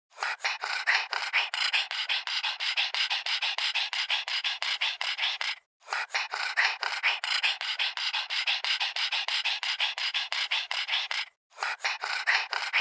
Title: Little pug dog heavy breathing